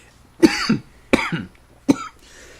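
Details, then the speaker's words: Three sharp, wet-sounding coughs from an adult man in a quiet small room during a podcast conversation; cough. "Apparently, it was cough. I'm choking on my own opinion."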